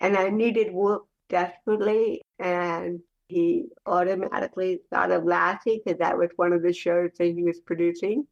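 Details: Adult woman with cerebral palsy speaking in a real conversational interview; dysarthric speech in cerebral palsy.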